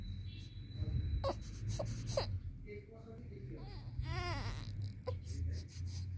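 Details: 19-day-old baby crying: thin, high newborn cries and whimpers in short bursts over steady room hum; an ordinary newborn cry.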